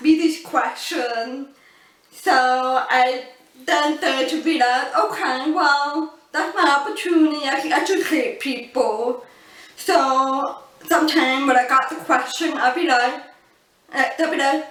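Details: Adult woman born deaf who uses cochlear implants and learned to speak English through speech therapy; people often mistake her deaf accent for a foreign accent; deaf speech.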